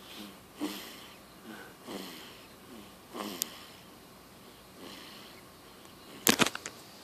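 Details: Someone sleeping: rhythmic rough breathing noises about every 1.3 seconds, with a sharp clatter near the end; snoring.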